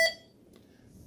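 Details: Hamilton T1 ventilator switched on while being set up for neonatal CPAP: a single clear electronic start-up beep fading quickly into quiet room hum.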